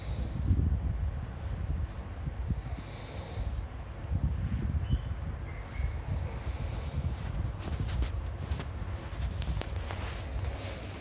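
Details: Snoring from a sleeping person: low, rough rumbling bursts repeating with each breath over a quiet background.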